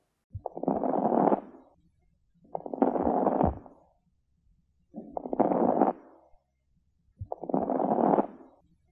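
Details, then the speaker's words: Four breaths carrying bursts of short crackling pops, about 27 breaths a minute: lung crepitations (crackles). "next up are crepitations which are also called as crackles and this is how they sound"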